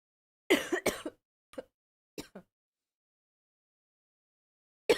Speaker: As you can hear I'm still sick. Been coughing coughing coughing quite a lot today.